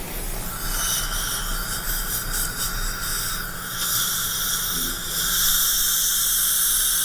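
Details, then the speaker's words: Dental implant pilot drill: continuous high-pitched whine with hiss as a 1.2 mm pilot drill goes through a drill guide in a surgical stent for a mini implant in the lower bicuspid region; bone seemed soft. "Jenna will hold the stent in place while I make my pilot hole is that the silver uh Dr Silver drill guide 1.2 mm pilot drill and you go up and down with the one time"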